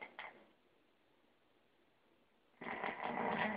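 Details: Third snoring recording in an ongoing series: a brief rough snore at the start, a pause, then a louder, longer rattling snore; snoring.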